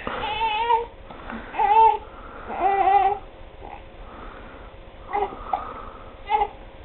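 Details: Several short, fussy cry bursts with quieter gaps from a one-month-old infant with hiccups, while being dressed in a small room; infant cry.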